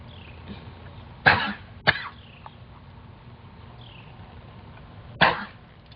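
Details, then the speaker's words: Horse coughing while being worked: three harsh, forceful coughs over outdoor background noise. "Maybe I should just do the round pen coughing so they can see the cough."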